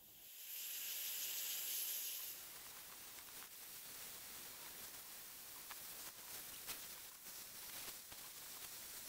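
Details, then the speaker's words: Ultrasonic scaler removing dental calculus and disclosing-dye-stained plaque, mostly near the gingival margins, working from the lower teeth up to the upper teeth. Steady high hiss with water spray and intermittent scraping ticks. "Stage three using the ultrasonic scaler the plaque is meticulously removed starting with the mandibular dentition and moving up to the maxillary dentition."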